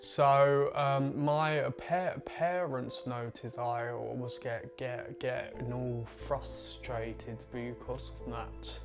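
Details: 20-year-old man with a stammer that began around age eight, who gritted his teeth when speaking as a child; stuttering (stammer).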